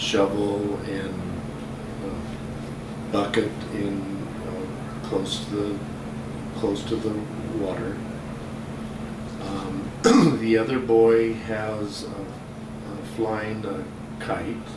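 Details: 57-year-old right-handed man, symptoms starting a couple of years earlier, describing a picture, dropping articles and pronouns, without frank apraxia of speech; nonfluent primary progressive aphasia (agrammatism).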